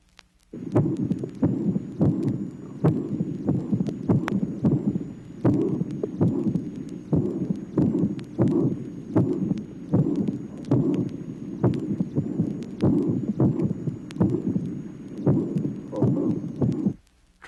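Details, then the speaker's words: Mitral disease with auricular (atrial) fibrillation on a phonocardiogram-matched recording: irregularly irregular rhythm, loud first heart sound, regurgitant pansystolic mitral murmur and opening snap. "tracing number 24 mitral disease auricular fibrillation loud first sound regurgitant pan systolic mitral murmur opening snap"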